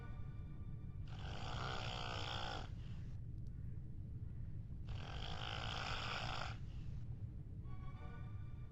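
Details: Two loud, drawn-out rattling snores on breaths in, about seven breaths a minute, over steady low background hum; snoring.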